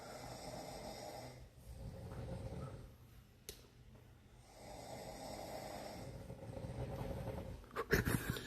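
Low rumbling snores in slow breathing cycles, with a quiet pause between them, in a small room; ordinary snoring.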